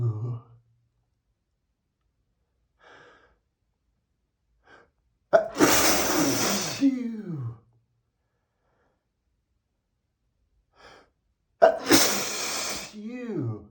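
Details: Two loud, forceful sneezes from a man, each with a sharp burst and trailing voiced tail, separated by quiet sniffs.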